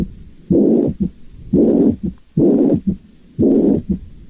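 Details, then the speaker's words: Mitral regurgitation with systolic dysfunction, recommended with headphones: holosystolic murmur accompanied by a third heart sound. "vamos a escuchar el sonido del de lo que sería la insuficiencia mitral con el tercer ruido y en esto pues les recomendaría la utilización de audífonos para que puedan escuchar mejor el sonido"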